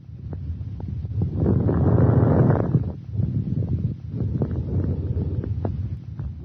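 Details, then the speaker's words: Thorax auscultation teaching example: breath sounds with brief, sharp, discontinuous high-pitched crackling pops scattered through breathing; fine crackles. "fine crackles are discontinuous high-pitched short crackling sounds on"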